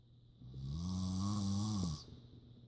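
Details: Mother snoring while asleep, cats sleeping nearby: a single long, deep, rattling snore on an in-breath.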